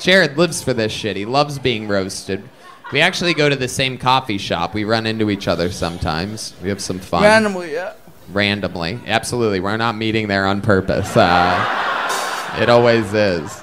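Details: Adult male speaker; ordinary speech.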